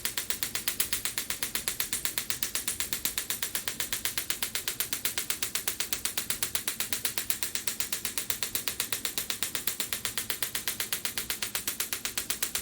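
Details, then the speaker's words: Shockwave therapy handpiece firing on a patient's shoulder over ultrasound gel; rapid, very regular clicking pulses about four per second during a quick demonstration treatment. "So a typical treatment lasts a little bit longer than that, usually 3 to 5 minutes depending on the area or the severity of what we're treating."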